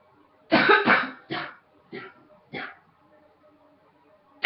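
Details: A run of five coughs, the first two loud and close together, then three shorter, fading ones; repeated coughing.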